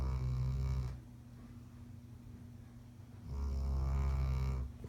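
Two loud, deep, buzzing snores with a quiet pause between them: ordinary snoring.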